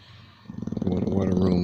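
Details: Old English Bulldog asleep in his bed at night, snoring nightly for years: low, rattling snore building into a loud, rough, droning breath noise; snoring.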